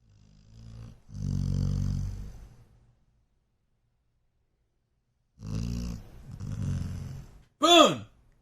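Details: Sleeping dog being pestered by its owner: deep, rattling snores followed by a short high yelp; ordinary snoring.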